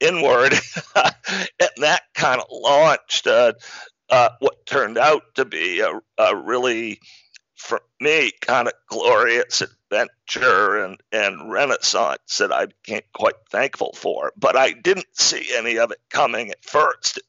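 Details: Adult man diagnosed in 2012 with spasmodic dysphonia, a rare neurological speaking disorder that made communicating difficult and caused partial loss of his voice; real, not acted; spasmodic dysphonia.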